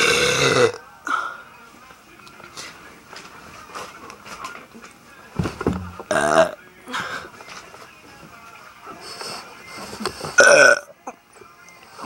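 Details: Person in a voluntary burping contest: several loud, drawn-out belches with quieter noise and faint music between; repeated burping.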